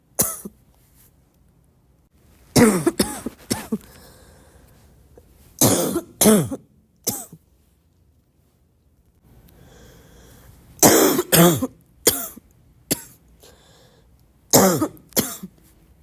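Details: Congested barking cough: repeated harsh, hollow coughs in short clusters with a wet, congested edge.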